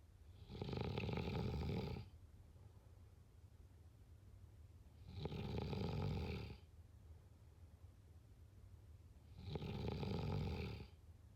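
Three deep, rumbling snores on the in-breath, roughly one every four seconds, with quiet pauses between.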